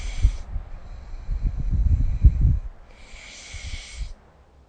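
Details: Snoring during sleep, recorded with the SnoreLab app: a low, rattling snore on the in-breath, then a quieter fluttering stretch.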